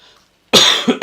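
A single loud, harsh cough after a brief quiet pause: a lingering cough with a sore throat.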